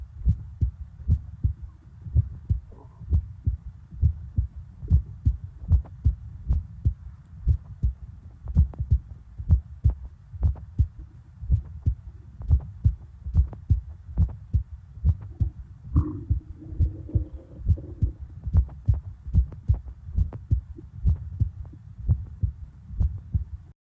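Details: Steady low heart thumps at roughly 88 beats a minute, with a brief gurgle of stomach noise.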